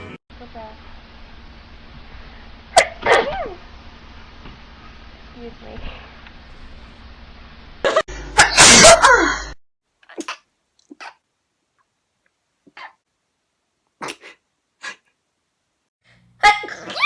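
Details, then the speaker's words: A few sneezes, one loud and forceful, amid room noise and brief talk; sneezing. "My God, I'm still sneezing."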